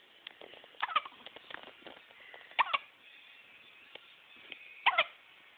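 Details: Pet (male) with hiccups: brief sharp paired catches recurring every couple of seconds over a quiet background, with cute sounds.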